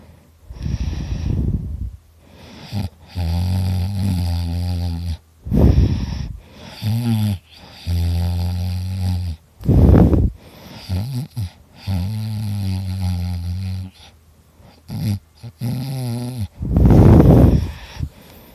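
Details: Person recording their own heavy snoring while very tired: deep, rattling in-breath snores alternating with loud rushing out-breaths, about six cycles.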